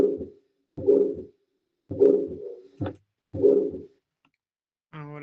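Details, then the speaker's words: Teaching recording: repeated, slightly fast lub-dub heart sounds with a soft blowing murmur after the first sound; a systolic murmur. "Está perfecto tu en este momento tu percepción del sonido porque es un soplo sistólico. Eh, se podría decir de que si escuchan lo loop lo loop. Pero es un poco más rápido, se podría decir."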